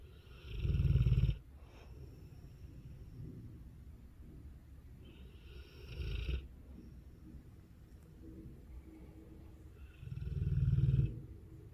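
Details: Dogue de Bordeaux snoring: deep, rumbling snores with softer breaths between, about 15 breaths a minute, in a quiet room.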